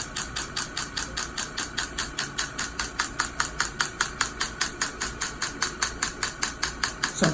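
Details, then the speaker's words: Rapid, regular sharp tapping pulses, about 150 a minute, from an extracorporeal shockwave device with small head treating a young man's Achilles tendonitis, first of four sessions after PRP injection. "we just did our first of four shock wave at the treatments"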